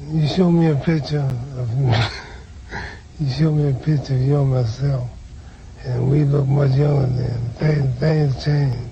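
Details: Man with Parkinson's disease, recorded after taking medication, still showing a soft voice; hypokinetic dysarthria.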